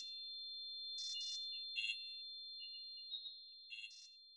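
Constant high-pitched ringing tone runs throughout, with brief hissing and chirping bursts over it: a simulation of tinnitus that never goes quiet.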